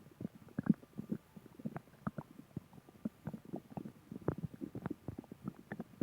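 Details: Bowel sounds (borborygmi).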